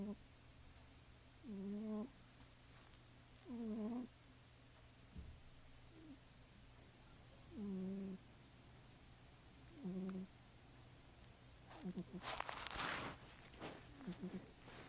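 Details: Cat snoring loudly during sleep: short nasal buzzing snores every few seconds, then a burst of rustling, with background static.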